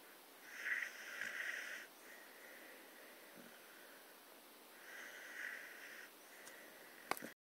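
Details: Staffy (Staffordshire bull terrier) dog snoring while asleep: two long, hissing, whistling breaths a few seconds apart, then a brief knock.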